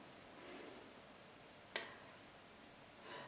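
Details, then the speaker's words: A single sharp, hissing burst of a small sneeze rising briefly out of quiet room noise during a spoken recording. "um wanting to conquer this in whatever way like they're moving in that direction that's manic sneezing if you guys can hear that um"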